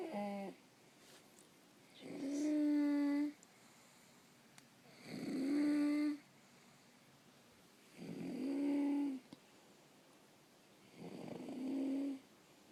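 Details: Sleeping 9-year-old child makes loud, deep, tonal noises on each inspiration, about 20 breaths a minute: stridor during sleep.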